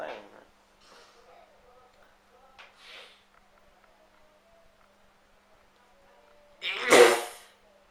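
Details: Man who can't stop sneezing: quiet room with faint sounds, then one loud, explosive sneeze near the end.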